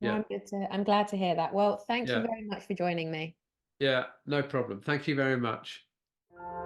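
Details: Adult speakers in conversation; no disorder.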